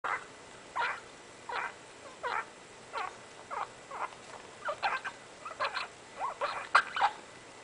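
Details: Pet rat with mycoplasma-caused lung abscesses filling most of his lung capacity, struggling to breathe, filmed Oct. 22, 2008: repeated squeaky, clicking breath noises with sneezes; wheezing and sneezing from respiratory disease.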